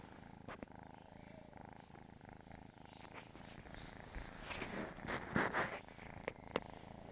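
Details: Kitten purring with the microphone held close: a steady low, motor-like rumble with a few handling noises.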